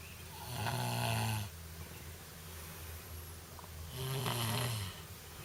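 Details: Ordinary snoring: two loud, rough, low, rattling snores on the in-breath, with quiet breathing between them.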